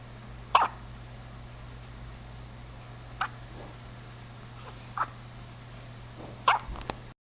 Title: Baby with Hiccups (Cute)